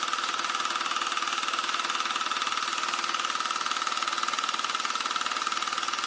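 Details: Handheld low-intensity shockwave device (Rocket) for erectile performance, self-applied by a second user, moving upward section by section, no pain reported: rapid, very regular tapping about three pulses a second with a steady high tone.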